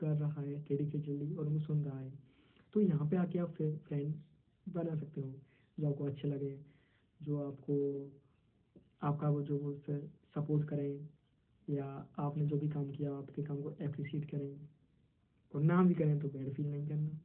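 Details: 22-year-old who stammers, a member of a stammering self-help association, answering interview questions in Hindi, with syllable repetitions; stuttering.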